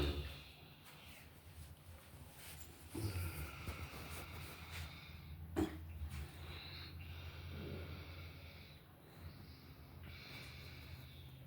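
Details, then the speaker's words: Puppy snoring while asleep after a meal: steady low, rough breathing rumble with occasional snorts over steady background noise. "YouTube what's the deal this what happens when you feed your dogs that good food got him snoring"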